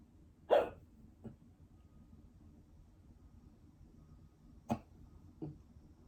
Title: 22 hiccups